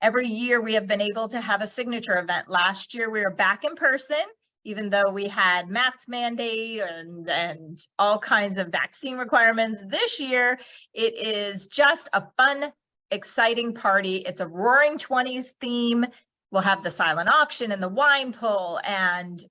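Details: Adult woman speaking; normal speech.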